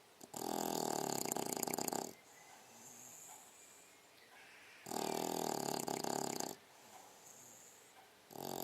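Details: Six-month-old female English bulldog asleep: loud, rattling snores on each breath in with quieter breaths out, about two snores in eight seconds; dog snoring.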